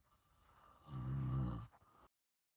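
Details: A single loud, low, rattling snore on an inward breath, rising and fading over under a second against quiet room noise; snoring.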